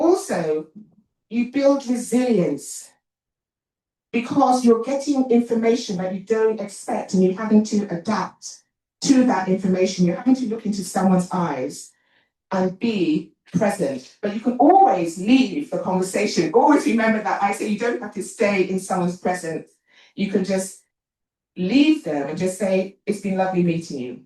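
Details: Adult woman, an actor and writer, with a self-reported stammer that she points out while speaking; stuttering.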